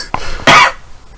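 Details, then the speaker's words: Adult recorded on a handheld podcast microphone: a small throat sound, then a single loud, short cough close to the mic; an ordinary isolated cough, not from illness. "See, now you're coughing louder."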